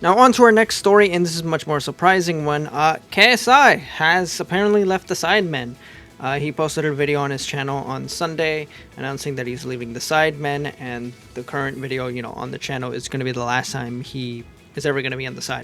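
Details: Adult male narrator; normal adult speech.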